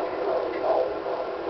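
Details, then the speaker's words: Handheld Doppler at a prenatal visit, fundal height 34 cm: steady whooshing with a soft pulsing rhythm, a normal fetal heartbeat of a boy "perking along". "You're gonna hear his heartbeat here in a second, remember?"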